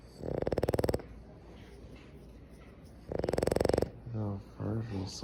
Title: Our Boston Terrier Stitch snoring lol